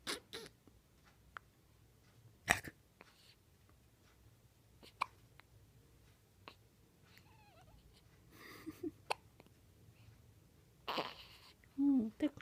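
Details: Sophia hiccuping: short, sharp, quiet hiccup sounds recurring irregularly in a quiet room, with faint soft vocal sounds between; hiccups.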